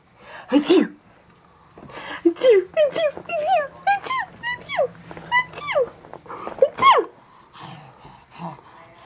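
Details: Mother's sneezes: several sharp, voiced sneeze bursts with high squeaky vocal tones between them, followed by laughter at them.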